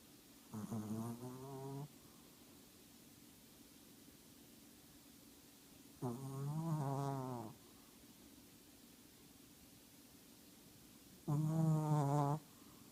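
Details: 8-pound Shih Tzu sleeping and dreaming, with loud buzzing, rattling snores on each in-breath, about three in twelve seconds, with slow gaps between breaths; loud snoring.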